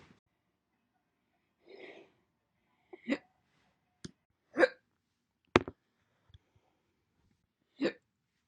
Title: My Single hiccups throughout the entire months January 1st, 2021 to April 30th, 2021